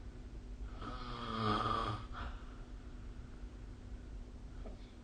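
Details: Single rattling inhaled snore over a steady low hum and background noise, recorded with the SnoreLab smartphone snoring app during sleep.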